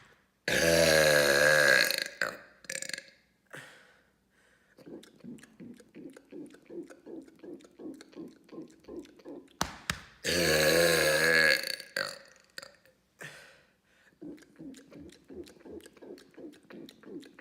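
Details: Two long, loud, voiced belches, each followed by quieter throaty sounds and a rapid run of short grunting noises; deliberate burping.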